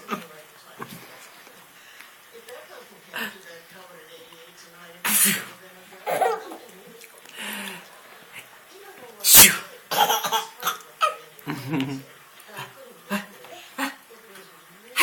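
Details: A young child sneezes in sharp bursts, mixed with light laughter and soft voicing in a small room: sneezes.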